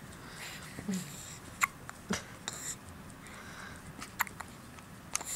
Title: Hiccups - Nov 15, 2010